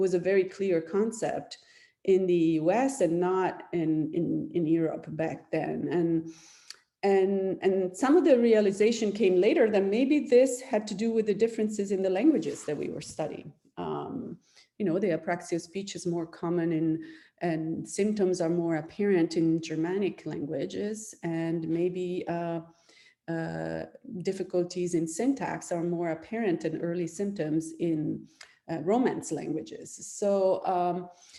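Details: Adult woman speaking; normal speech.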